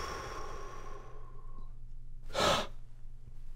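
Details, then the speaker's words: Normal rapid inspiration by an adult: full exhalation, then the fastest possible breath in, with no Botox in the larynx, as a test for abductor spasmodic dysphonia. Only rushing air is heard, with no voice or stridor. "I went all the way from empty to all the way full in just that Split Second and all you heard was rushing air noise you didn't hear any vocal noise"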